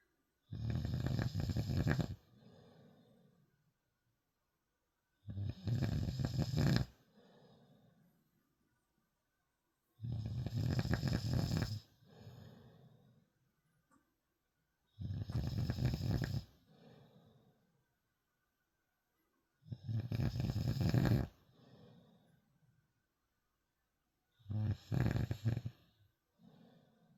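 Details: Loud, rough snores repeating about every five seconds, roughly 13 a minute, each followed by a softer outbreath.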